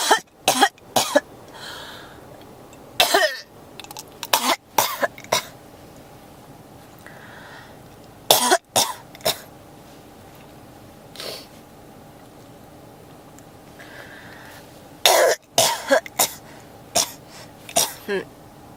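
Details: Persistent cough: repeated bouts of short, sharp coughs with throat clearing, returning again and again with brief pauses between.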